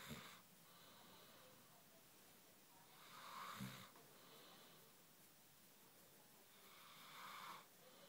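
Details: A sleeping Ridgeback cross dog snores, showing her teeth: soft, airy breaths with a whistly, nasal edge, about seventeen a minute.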